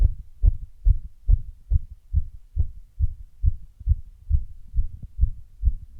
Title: Heart sound after running